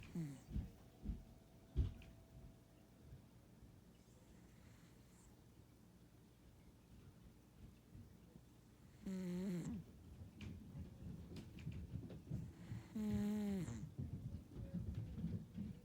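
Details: Sleeping Ragdoll cat, once thought by the owner to be wheezing: soft, low rumbling breaths in a quiet room with a few louder, rougher snore sounds; snoring.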